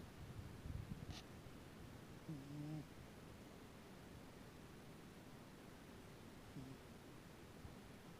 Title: Cat snoring